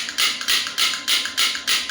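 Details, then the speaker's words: Electromagnetic shockwave therapy device demonstrated on the elbow at low frequency (1–3 Hz) and minimum intensity: sharp, regular clacking pulses about three per second; the shockwave handpiece firing. "You can see as the bullet is traveling it is generating heat because it is striking."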